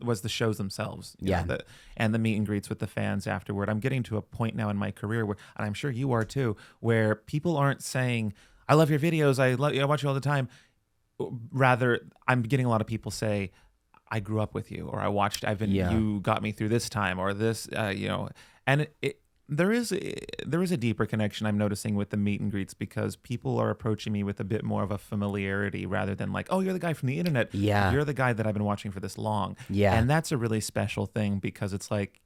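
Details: Adult man speaking in conversation; ordinary conversational speech.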